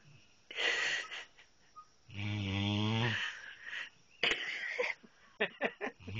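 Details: A sleeping dog snoring: a long buzzy rattling breath and shorter snorting breaths in a quiet room.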